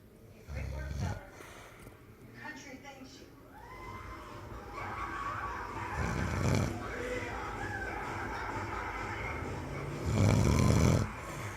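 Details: Person sleeping and snoring: low rumbling snores recur between quieter stretches, with faint background voices; ordinary snoring.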